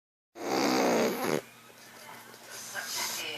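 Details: One loud, rough, fluttering snore lasting about a second, followed by quieter background sounds: snoring.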